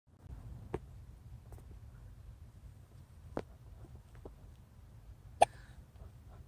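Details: Infant hiccups: three quiet, sharp hiccup clicks roughly two to three seconds apart over low room hum.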